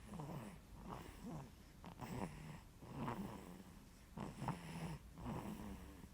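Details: A baby snoring: soft, rumbling, fluttery sounds repeat with each quick breath, roughly every second or two, in a steady pattern.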